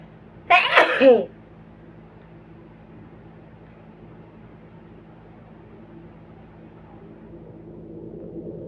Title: induced sneezing again.